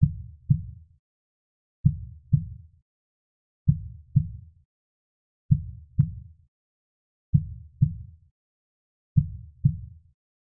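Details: Studio-made slow heartbeat sound effect: deep, regular lub-dub pairs at about 33 beats a minute.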